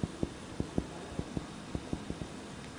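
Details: Percussion teaching demonstration for medical students, mapping cardiac dullness and vascular bundle borders at the second intercostal space beside the sternum: about a dozen short, dull tapping thuds in pairs. Chest percussion.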